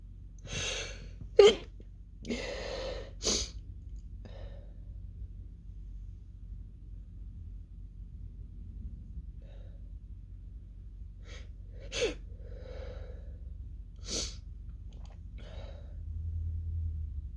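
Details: Female sneezing fit: a run of muffled, stifled sneezes with breaths in between, then a fuller sneeze; the fit is almost fully stifled until an explosive final sneeze and nose blow.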